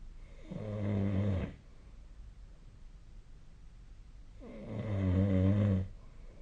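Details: Snoring during sleep: two loud, low, rattling snores on breathing in, separated by quiet breathing out.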